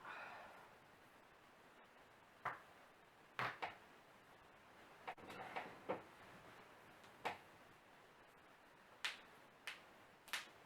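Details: Morning self-cracking of back, neck and fingers by a non-chiropractor: about ten sharp, isolated pops and cracks in a quiet room; joint cracking.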